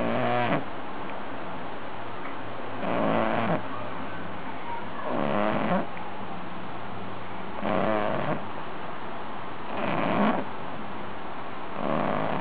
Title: Ori Pei Puppy Gunther Snoring 2 Months Old